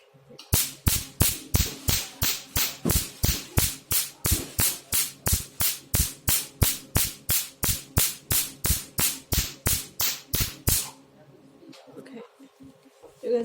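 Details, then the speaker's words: Handheld pico laser with the 532 nm tip for colour tattoo removal: rapid sharp snapping pulses, about three a second for ten seconds, then quiet; pico laser firing. "use low energy this is low energy so the power is not that strong"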